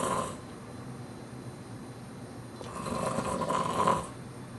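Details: Loud snoring after a hectic weekend of a show, games and activities: rough, rattling noise on breathing in, rising and fading over a few seconds, amid quiet room noise.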